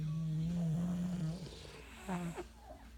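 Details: A low, steady, droning snore with a humming tone, then a shorter grunting snore; noisy breathing of a sleeping bulldog, snoring.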